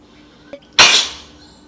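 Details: Sneeze deliberately provoked by sniffing spices (chilli powder, then garam masala) during a sneeze challenge; a brief catch of breath, then one loud, sharp, hissing burst of air that fades quickly, single sneeze in a quiet room.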